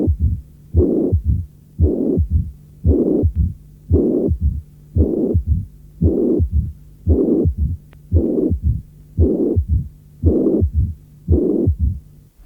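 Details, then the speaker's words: Teaching recording: mitral regurgitation with a third heart sound and, without mitral stenosis, a brief distinct mid-diastolic rumble beginning with the third sound. "Si la régurgitation mitrale est suffisamment sévère, elle s’accompagne fréquemment d’un troisième bruit cardiaque. Figure 6. En l’absence de sténose mitrale, on peut parfois percevoir un bref roulement mésodiastolique bien net, qui commence avec le troisième bruit."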